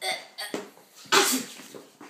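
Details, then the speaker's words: Man gives one loud, explosive sneeze with a hissing spray onto an apple, after brief vocal sounds, trailing into breath noise; sneezing. "you just sneezed on the Apple"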